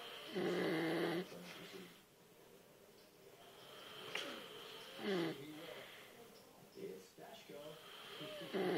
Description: My dad was snoring up a storm last night!